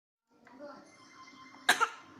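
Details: A baby imitating an adult's cough to amuse her mother: soft babbling followed by one short playful cough burst, pretend and not from illness.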